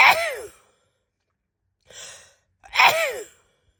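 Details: A female sneezing: two loud sneezes with sharp bursts and a short breathy intake between them.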